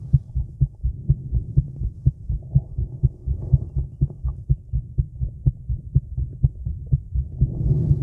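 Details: Female heartbeat recorded outdoors in the woods in the evening while smoking, with some stomach noises: steady, strong, regular beats at roughly 120 a minute over a low hum; a normal heartbeat.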